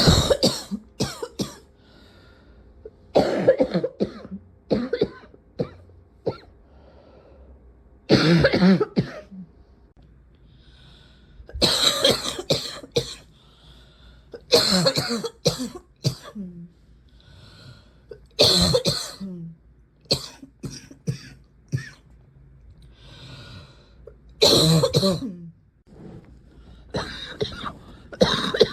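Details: Adult's repeated harsh, barking coughs in clusters with a crackly, slightly wet edge, separated by quiet breaths; person notes the cough is usually dry; barking cough.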